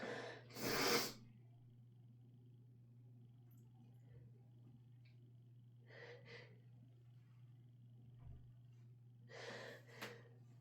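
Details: Sick person who is also allergic to the dog: one loud explosive sneeze, then sniffs and short snorting breaths, and another sneeze near the end, over a steady low room hum.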